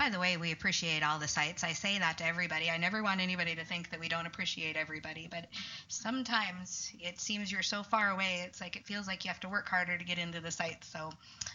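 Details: Adult woman speaking; Normal speech.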